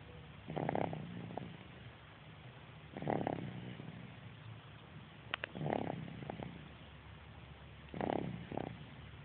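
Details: Rhythmic rough breathing noises recurring about every 2.5 seconds, roughly 25 a minute, during an afternoon sleep; snoring.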